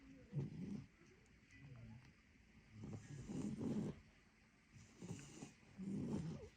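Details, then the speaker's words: Two dogs snoring loudly after running around the yard and lawn all day: repeated low, rumbling snores in an overlapping rhythm, roughly every 1.5–2 seconds. Snoring from more than one sleeping dog. "пришли и спят Короче как два пьяных мужика храп такой стоит"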